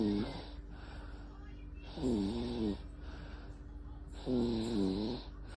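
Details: Regular, rattly snoring in a baby, heard on each breath in with quieter breaths out between, about 27 breaths a minute.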